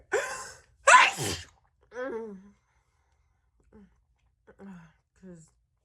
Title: Big and wet sneezing fit